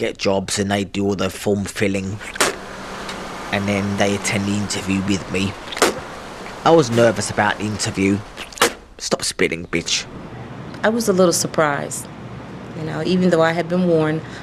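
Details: Adult man diagnosed at 13 with severe Tourette syndrome ("super Tourette's"), with near-constant physical tics and little-controlled vocal outbursts, producing involuntary obscene utterances while making a phone call; vocal tic with coprolalia.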